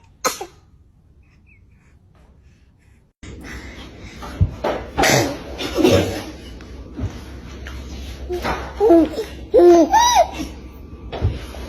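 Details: Infant sneezing: a small sneeze followed by baby laughter and babbling, with adult voices nearby.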